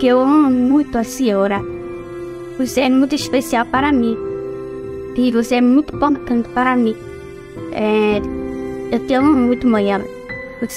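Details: Woman born with hearing impairment, oralized deaf after therapy and speech therapy, still has difficulty speaking; deaf speech (prelingual hearing loss).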